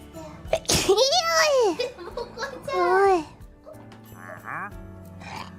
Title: Sneezes 260-263